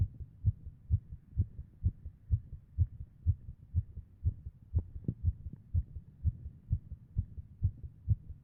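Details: Heart sound: steady, rapid, low heart thumps at about 128 beats per minute with a fairly regular rhythm.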